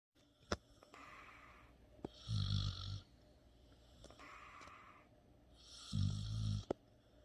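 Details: Dog snoring: slow rhythmic low rattling snores on each breath in, softer airy breaths out, about 17 breaths a minute.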